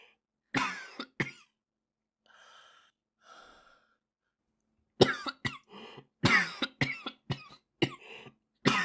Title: japanese boy coughing 3